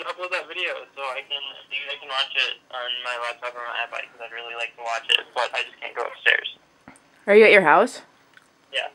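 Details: Young speaker in conversation, with a second voice replying; speech.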